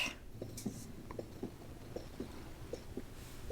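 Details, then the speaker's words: Elvie wearable breast pump: soft, regular paired pumping pulses under a second apart over low room noise, traditional rhythmic suction like a Medela pump; breast pump rhythmic suction. "now when it comes to the lv pump its suctioning is more traditional like the medulla pump so it's rhythmic"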